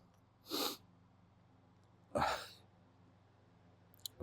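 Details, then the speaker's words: A male trying to sneeze after feeling stuck, then two loud, sharp, hitchy sneezes a little over a second apart in a quiet room, with a faint hum behind them. "It's been so stuck. I just want to sneeze. Fine. Oh, come on. Just take that was loud."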